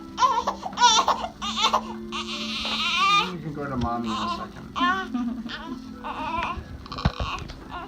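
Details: Newborn boy a few weeks old during his first chiropractic spinal adjustment: bursts of high-pitched crying with wavering pitch over adult voices and faint background music; ordinary infant crying.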